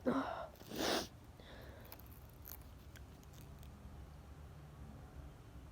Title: Huge sneezes